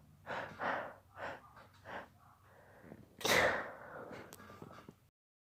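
Several short catching breaths build up to one forceful, partly stifled sneeze burst.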